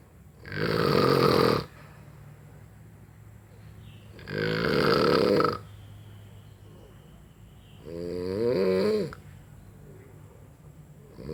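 Loud rattling snores with each breath in, roughly 16 breaths a minute, over a steady room hum: ordinary heavy snoring.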